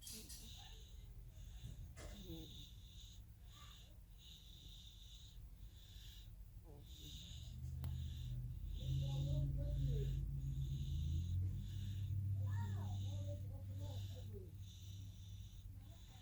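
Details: Snoring: low, steady rumbling breaths with rattling snorts and a squeaky whistle on some breaths over room noise.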